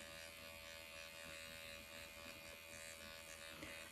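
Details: MD Needle Pen automated microneedling self-treatment on the nose at 1 mm depth, straight lines and small circles, avoiding the bridge: steady high-pitched electric buzzing with constant hum.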